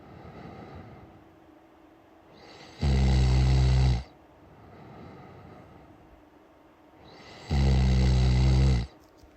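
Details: Loud, rough, low snores on each in-breath, two in about nine seconds, with quieter breathing out between; heavy snoring.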